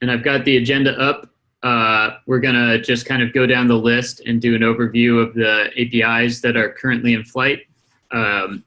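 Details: Adult male speaker; normal speech.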